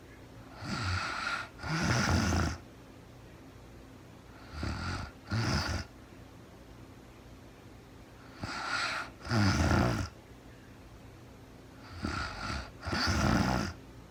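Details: Real-time recording of a woman asleep at night after being very tired, no talking, described as REM sleep: soft rasping snores on each breath, about four breaths over fourteen seconds, with quiet pauses; snoring.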